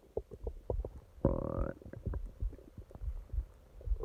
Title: Долгое урчание животика ночью (часть 1) stomach growling